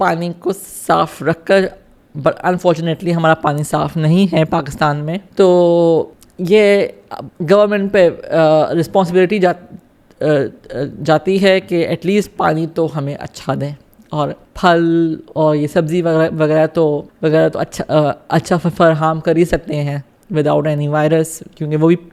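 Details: Adult woman with cerebral palsy from lack of oxygen at birth affecting her right side, with a speech disorder involving frequent stammering and pauses, who has had speech therapy; pauses may be edited out; stuttering.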